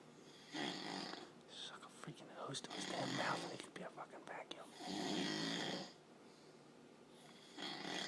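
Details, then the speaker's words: Roland snoring while on vacation, said to snore like a bear in hibernation, keeping others awake at night: harsh, rattling snores on the in-breath, roughly 25 a minute, in a quiet room; loud snoring. "I know it's bad to make about but it snores like a goddamn bear he's in like freaking goddamn hibernation"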